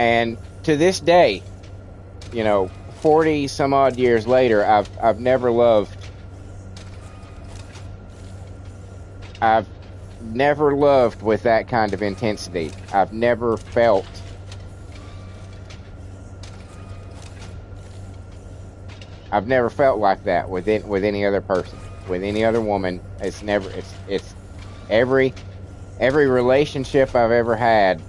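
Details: Adult man born 1975 with a stutter since childhood, who says it is less severe than when he was a kid but audible when he talks a lot: stuttering.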